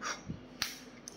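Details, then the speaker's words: Spiriva Respimat soft mist inhaler for COPD or asthma, demonstrated after twisting the base once and opening the cap: a click then a brief soft hiss of mist release; soft mist inhaler actuation. "kemudian kita putar ya kan putar sekali buka tutupnya baru ini tombol ditekan akan keluar asap"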